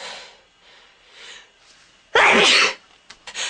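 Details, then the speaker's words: Person with allergy, attributed to ragweed: quick preparatory breaths, then one loud, explosive, hissing burst; a single sneeze. "I have to sneeze. Ragweed. Ragweed. I have to sneeze."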